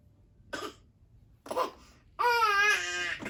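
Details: A child gives two short, deliberate cough-like bursts, then a drawn-out voiced sound; a voluntary fake cough.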